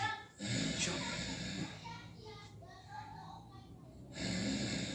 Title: snoring roommate